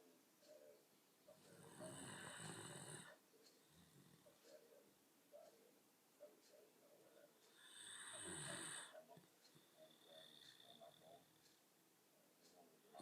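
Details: Slow, rough, rattling breaths about every six seconds, roughly 10 breaths a minute, with quieter breathing between them; snoring.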